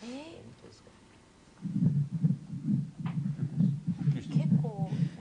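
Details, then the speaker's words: A mother's heartbeat made into a CD, played to settle her infant's night crying; heartbeat. "心臓の音を聞いたちろちゃんつきが良くなったんです"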